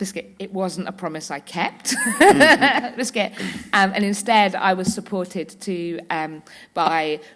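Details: Woman with Tourette syndrome whose frequent vocal tics are especially the words "biscuit" and "hedgehog"; several times a day her tics intensify until she loses control of her body and speech. Vocal tics (Tourette syndrome).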